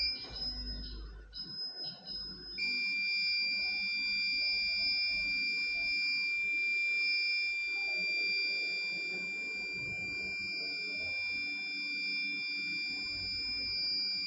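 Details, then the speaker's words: Dental X-ray unit during exposure, patient biting on a bite stick with eyes closed; a few brief beeps, then a steady high electronic tone held throughout. "Zatvorte oči vás poprosím. A pokiaľ to bude pípať, majte oči zatvorené."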